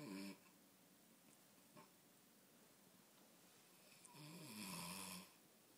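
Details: Man who reportedly can't stay awake after midnight gives two loud rasping snores about four seconds apart over quiet room noise: ordinary snoring.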